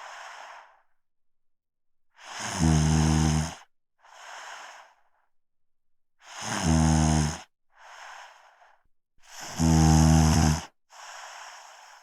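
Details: Heavy snoring in a sleeping person: loud, buzzing, rattling snores on each in-breath with softer out-breaths, about 18 breaths a minute.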